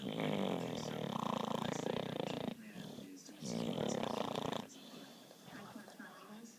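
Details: Baby Dexter sleeping and dreaming, snoring: loud, buzzing, rattling snores in long drawn-out breaths, two clear cycles with quieter breathing between.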